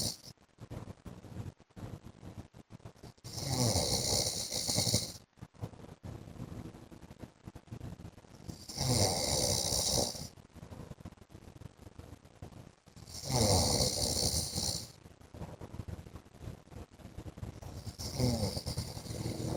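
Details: Adult man (husband) snoring during sleep: loud, rasping snores about every 5 seconds, roughly 12 breaths a minute, with softer breathing noise between.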